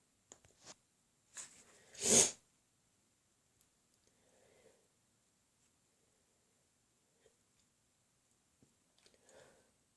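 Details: Sneezing: two or three quick catches of breath build to one loud, explosive sneeze, followed by soft breathing and sniffing in a quiet room.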